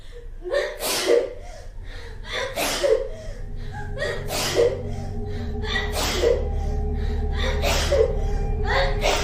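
Repeated short explosive bursts about every 1.5 to 2 seconds, each a quick inhale then a sharp release, over steady background hum: a run of sneezes.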